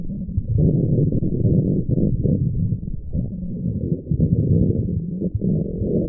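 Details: Woman's stomach growling: loud, low, continuous gurgling rumbles with brief pauses; stomach growling (borborygmi) from gas and fluid moving through the gut.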